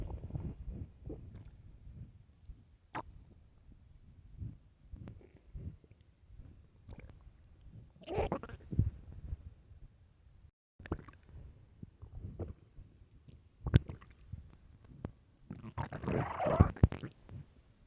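Low, irregular gurgles and rumbles with a few sharper pops, swelling louder at times; ordinary stomach growling from hunger.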